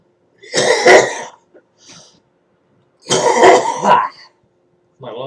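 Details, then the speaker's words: Two harsh, wet coughing bouts with throat clearing from an adult smoker who says they cough like that after smoking a joint and report clear lungs and sinus trouble; described as a smoker's cough. "Well, I mean, it's a smoker's cough. Is what Yeah. it sounds like."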